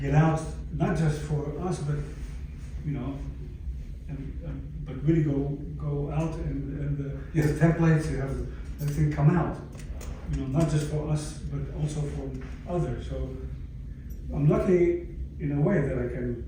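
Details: Adult stroke survivor with aphasia about 11 years after the stroke; aphasia.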